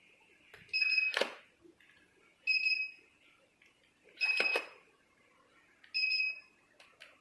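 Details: Four short high beeps, each with a click, about two seconds apart in a quiet room, as a 3D HIFU (LS-X3) machine fires shots in a demonstration, no test on a person; HIFU firing beeps.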